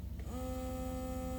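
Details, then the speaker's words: Steady electric motor hum with low rapid pulsing and a tone settling after a brief rise: Baby Buddha electric breast pump running in expression mode (drop setting) rather than stimulation mode. "when you have it in this drop that is your actual expression mode"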